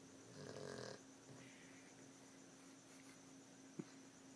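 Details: Dog snoring: one soft, rough snore on a breath in, then quiet breathing and a faint steady hum in the room.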